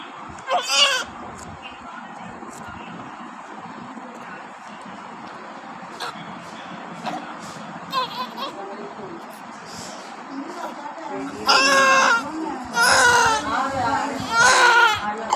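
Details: A newborn baby girl just after normal delivery: quiet room noise, then short bursts of high, bleating crying growing louder toward the end; newborn cry.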